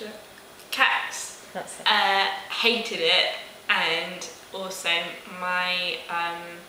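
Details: Young woman who had a stroke at age 18, about 16 months post-stroke, with ongoing difficulty with speech, numbers, reading and writing, receiving weekly speech therapy; Broca's (nonfluent) aphasia.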